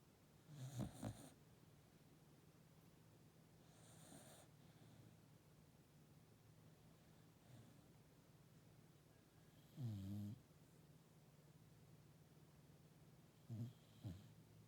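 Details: Sheep asleep: scattered short snorting snores and soft breathy sounds, irregular and quiet, over a steady low hum; snoring.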